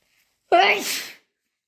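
A single loud voiced sneeze with a sharp burst that fades quickly.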